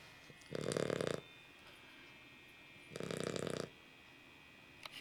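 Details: Sleeping puppy: two rough, fluttering snores about two and a half seconds apart; ordinary snoring.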